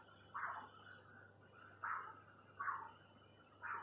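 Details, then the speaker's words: Pulsed Doppler of the right superficial femoral artery in a patient with leg arterial disease (femoral stenosis, popliteal occlusion): whooshes with each beat in a normal biphasic pattern, velocities about 100. "Y vemos que el patrón es bifásico, es normal. las velocidades de aproximadamente 100."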